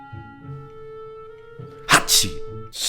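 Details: Acted comedic sneezing imitating sneezes of different countries: quick in-breath and loud forceful sneeze over a sustained musical tone, then another starting.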